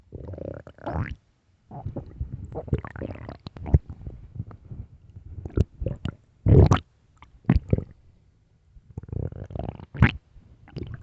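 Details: Low rumbling, gurgling bursts of varying length separated by quiet gaps, late at night: stomach growling (borborygmi).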